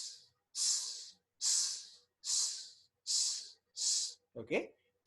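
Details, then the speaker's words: Mitral regurgitation: regular, long, blowing pansystolic murmur at the apex, about 77/min, radiating to the axilla; it radiates to the left lower sternal edge only if the posterior leaflet is involved. "so pan systolic murmur apex radiating to the axilla okay may radiate to the left lower standard edge but that is only if the posterior mitral leading fluid is involved"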